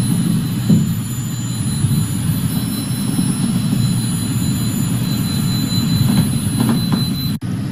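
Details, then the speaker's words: EMG audio from the left calf of a patient while standing: dense, rough, rumbling buzz with irregular bursts synchronous with myoclonus, little quadriceps activity: primary orthostatic myoclonus. "The burst of activity occurring irregularly is synchronous with the myoclonic zone. So this is again primary orthostatic, same patient, EEG showing myoclonus."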